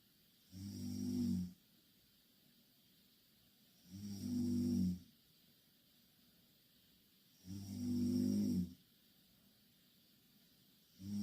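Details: Two Korean girls snoring in the same bed: three low, rattling snores about every 3.5 seconds, roughly 17 breaths a minute, quiet between; steady snoring in sleep.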